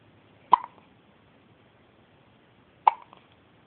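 Two short, sharp hiccup sounds about two seconds apart in a quiet room: a baby with hiccups.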